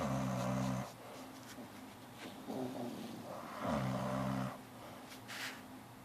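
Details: Two sleepers snoring together: loud, deep buzzing snores alternating with softer, higher snuffling breaths; snoring.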